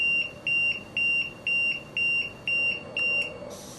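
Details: LTV 1200 ventilator alarm: repeating high-pitched electronic beeps, about two per second, sounding while settings are changed.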